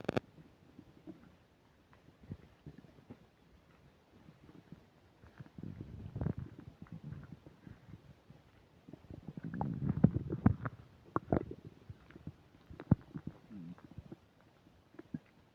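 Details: Irregular gurgles, squelches and low rumbles from the belly, with brief crackly mic static, recorded close up while eating a burger and fish fries: active bowel sounds (borborygmi) during digestion.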